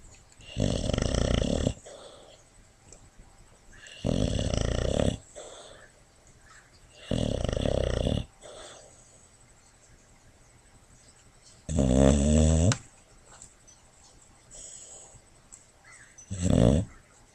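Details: Tasha, a foster rescue boxer dog, heartworm-treated with an injured knee, sleeping on a lap and dreaming; loud rattly snores every three to four seconds, one whistling, faint snuffles between.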